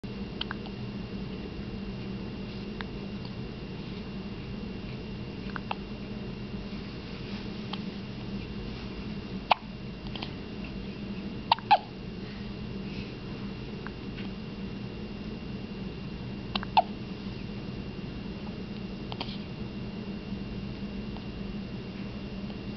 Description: 2 days old with the hiccups